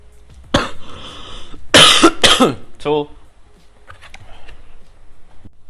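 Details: Coughing after drinking very spicy water: a sharp cough, then a strong double-cough burst and a brief voiced sound, followed by quieter noises, suggesting throat irritation.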